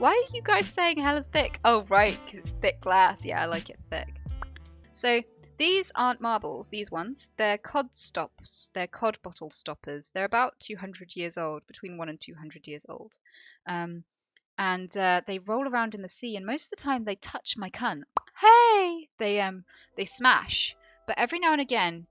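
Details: Involuntary vocal tics from Tourette syndrome in a female speaker, including interjected swearing during ordinary talk.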